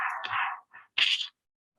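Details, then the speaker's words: Handheld clinic Doppler held over a suspected infantile hemangioma, used when the diagnosis is uncertain: short hissing whooshes of blood flow, the classic Doppler signal of an infantile hemangioma. "in cases where you're not sure of the diagnosis we like to use the Doppler and this is a handheld doppler that we have in our clinic and you can hear a whooshies"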